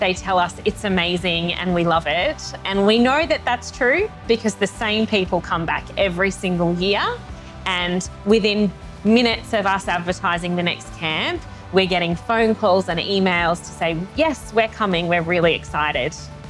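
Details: Adult woman speaking; normal speech.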